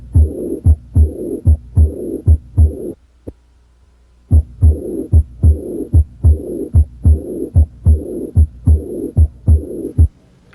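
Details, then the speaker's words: Regular heartbeat about 74 a minute with a drawn-out high-pitched whooshing filling diastole, the diastolic murmur of aortic regurgitation, a teaching example usually indicating heart disease. "heart murmurs can be distinguished from heart sounds by their longer duration diastolic murmurs like this one usually indicate heart disease"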